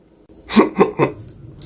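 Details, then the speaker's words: Tourette syndrome vocal tic: three quick, voiced hiccup-like yelps in a row. The tic began in 2021 while driving, as the throat kept trying to hiccup, and never went away; diagnosis came later. "so me hiccuping I got that when I was driving home from a friend's house my throat just kept making this noise and eventually it became like this hiccup noise and it never went away um it was like my throat was trying to hiccup it was so weird"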